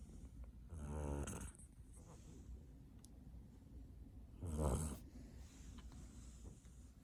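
Two low rumbling snores about three and a half seconds apart, with quiet breathing between, from a sleeping kitten.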